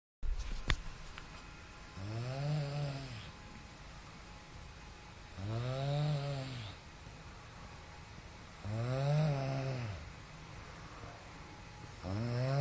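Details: Loud, regular low-pitched snores on each breath in, about 18 a minute, with quiet pauses between; snoring.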